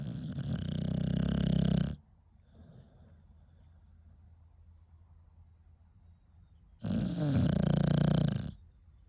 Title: Bulldog snores while awake